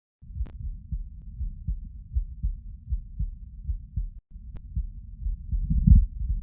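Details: Normal heart sounds recorded lying down: steady low paired thumps, about 80 beats a minute, regular rhythm, at rest.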